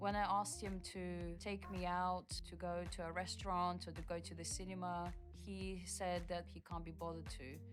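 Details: Adult woman speaking; typical speech.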